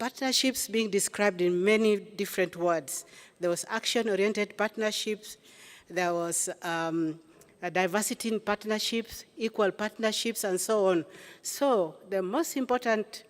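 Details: Adult woman speaking; Normal voice.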